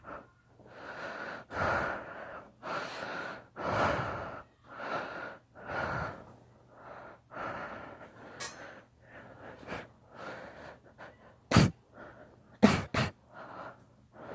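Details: Long induced sneezing fit: repeated gasping breaths build up, then several sharp sneezes near the end.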